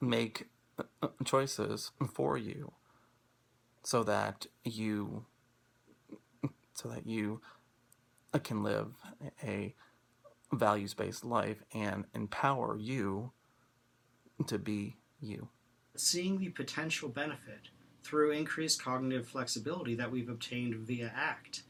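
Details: Stuttering in a man who stutters and practices Acceptance and Commitment Therapy, with pauses and blocks between words.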